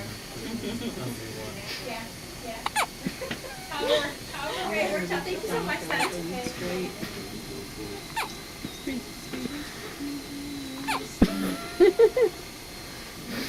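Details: Repeated short, sharp hiccup sounds at irregular intervals over background talk and room noise; hiccups.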